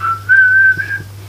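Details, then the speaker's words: Steady high whistle held about a second, imitating the whistling type of tinnitus, over a low room hum. "Voilà, bah, vous entendez ça à longueur de journée. Bah, du coup, ça, ça s'appelle des acouphènes."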